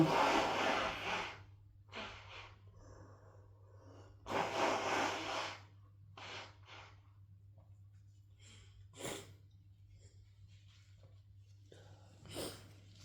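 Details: Two long forceful nose blows with shorter sniffs and snorts between, from a man with a cold.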